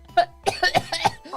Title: Random Girls Coughing 1